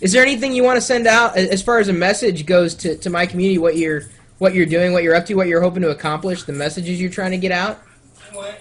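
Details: Adult speaker; ordinary fluent speech.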